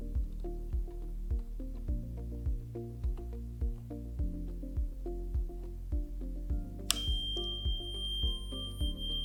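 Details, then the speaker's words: Steady rhythmic bubbling gurgles, about 100 a minute, from distilled water in a DeVilbiss oxygen concentrator's humidifier chamber as oxygen flows through, before attaching tubing and nasal cannula for humidified oxygen. "You can see it bubbling there, and then you would attach your oxygen tubing, nasal cannula."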